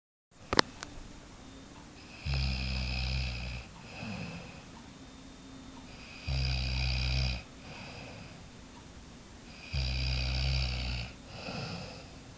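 Loud rattling snores on each breath in, with softer breaths out, about three breaths over ten seconds, roughly 17 a minute.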